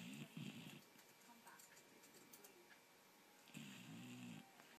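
Low vibrating snores, two clear snores about three seconds apart, over faint room noise.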